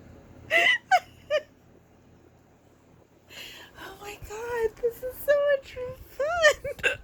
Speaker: I don't even understand what just happened but that's so exciting and I've had it like oh hey you know okay I usually only have the hiccups exciting